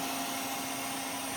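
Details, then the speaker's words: Steady hissing rush of air with faint tonal hum as an Air Techniques M5B portable dental air compressor, after reaching 80 PSI, vents back through its air dryer to regenerate it, before restarting at 60 PSI. "80 it's venting back through the air dryer to"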